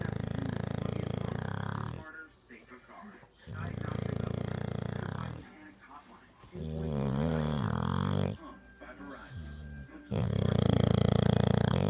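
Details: Sleeping dog snoring loudly in a steady rhythm, about four deep rumbling snores in twelve seconds.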